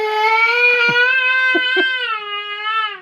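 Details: Toddler boy crying: high, wailing cry with catching, sobbing breaths in a small room.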